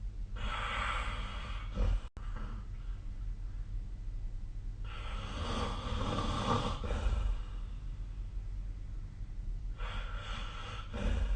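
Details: Snoring in sleep, recorded 2025/05/11: noisy breathing with breathy, snorting breaths over steady low room hum; light snoring.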